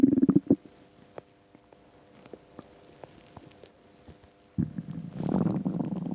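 Gurgling rumbles with a drawn-out humming growl and scattered pops. Ordinary bowel sounds of an empty stomach.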